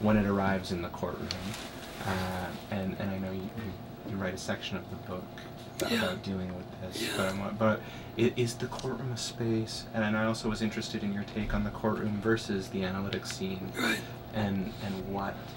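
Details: Adult male speaker; normal speech.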